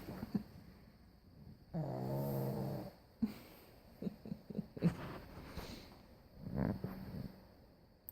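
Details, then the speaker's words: Female pug snoring while asleep on her surgery day, before being woken; snoring. "Peggy surgery day she's snoring I'm gonna wake her up puncture noisy"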